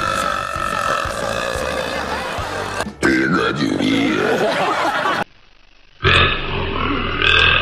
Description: His burps are so damn good, so I just had to make a compilation of his best ones!